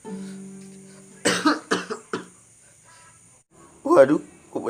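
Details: A few short, acted coughs from a comedy sketch about types of people coughing, with a tone and brief voices in the background; the coughs are simulated, not real.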